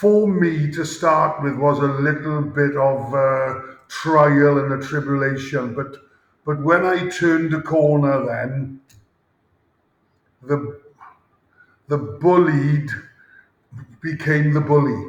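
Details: Adult male former rugby player with a lifelong stammer since about age 5-6, with blocks and speaking difficulty under pressure; stuttering (stammering).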